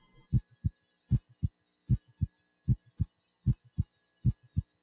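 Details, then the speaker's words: Normal heart sounds at the mitral area, fifth intercostal space midclavicular line, after listening at aortic, pulmonic, Erb's point and tricuspid areas with a warmed stethoscope: crisp, regular lub-dub about 77 beats a minute, no extra sounds. "warm the stethoscope listen first in the aortic area the pulmonic area the third intercostal space left of the sternal border known as herbs point the tricuspid area the left lower sternal border and the mital area the fifth intercostal space midclavicular"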